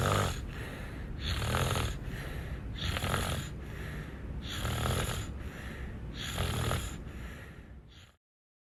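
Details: Amy snoring: loud, rough rattling snores with noisy breaths, roughly 38 a minute.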